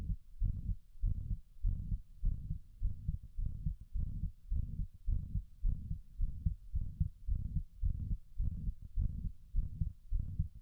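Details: Rapid, regular heartbeat near 105 a minute with a soft whooshing sound filling in around each beat: heart murmur.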